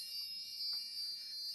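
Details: A steady high-pitched electronic tone from a Dolphin Neurostim point stimulator device as it is switched on, before treatment with ear electrodes.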